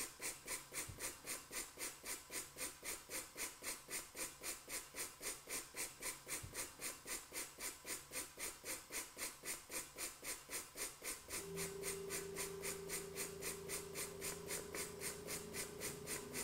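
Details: Simulated bench test of an airway clearance device, connected by an ET tube to a test-lung balloon holding 10 cc of sputum-like viscous fluid: rapid, regular hissing pulses about four per second, with a steady hum joining later.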